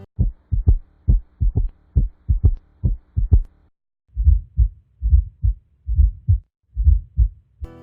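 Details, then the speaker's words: Simulated right ventricular S3 and S4 gallops heard with the stethoscope bell at the left sternal border, 4th–5th intercostal space (tricuspid area); about 68 beats a minute, with extra low beats forming a galloping rhythm. "Right ventricular S3 and S4 sounds (gallops) can be best heard in this area with the bell."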